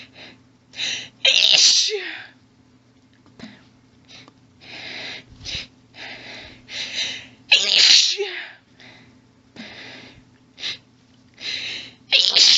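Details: Female's rapid run of many sneezes, some stifled and some forceful, with hitching in-breaths between, after stifling; faint background hum; intense sneezing fit.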